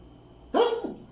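A single short, sharp burst of air with a brief voiced edge: one sneeze.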